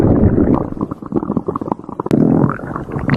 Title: stomach growling compilation 2025-2026